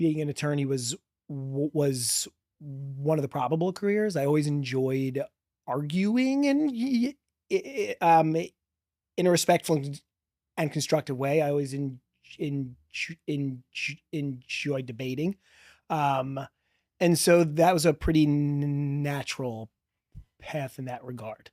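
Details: Stuttering in a 40-year-old man, real, who has stuttered since childhood and describes a strong stutter with blocks; spontaneous podcast interview speech.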